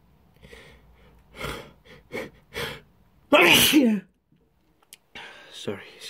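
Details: Sneezing triggered by pepper dust: a few quick breaths and small sniffs build to one loud explosive sneeze, then a gasp and a short voiced sound.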